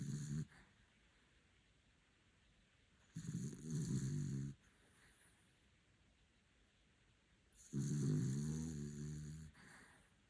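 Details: A sleeping puppy snoring: low, rumbling snores on each breath, about 15 a minute, separated by quiet pauses.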